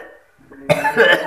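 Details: Adult patient with cough and low back pain during a traditional massage (pijat urut) session: a single loud, harsh cough after a quiet lead-in.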